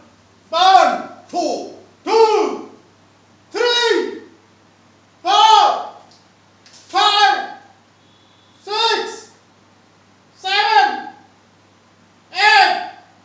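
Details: Male patient with puberphonia who had lost his voice and could not speak loudly for two years, now with a normalized male voice after voice therapy.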